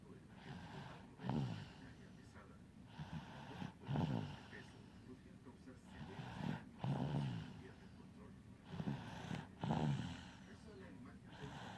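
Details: Repeated low, rattly snores with each breath, about 22 a minute, from a sleeping baby girl exhausted after trick-or-treating; snoring.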